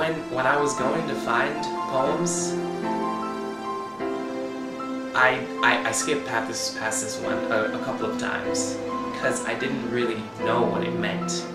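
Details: Stuttering in a male speaker who has stuttered his whole life.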